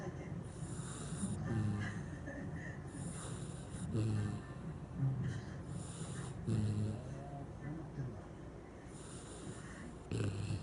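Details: Shiba dog snoring in sleep: repeated soft, low snorting snores about every 1.5–2 seconds over steady background noise.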